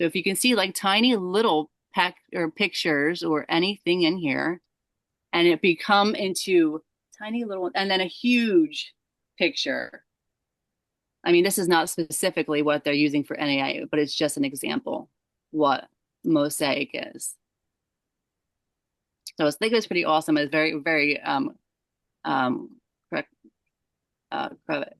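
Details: Aphasia in an adult woman who is a stroke survivor; word-finding pauses heard.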